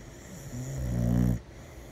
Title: Cute boxer dog snoring